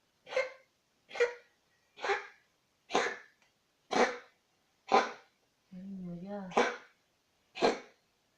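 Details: Eight short, harsh, forceful coughs about a second apart, with a brief whine among them, from a dog recorded on 25 May; a repeated dry cough.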